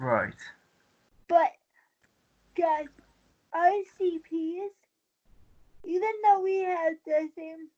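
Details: Dysarthria in a 23-year-old woman with cerebral palsy since birth after premature birth at 27 weeks. She has a more advanced form affecting the brain centre that controls balance and uses a wheelchair. She believes her prematurity affects the stability of her speaking.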